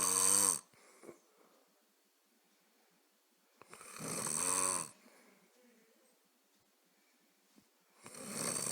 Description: This is a big reason why I can't get to sleep at night!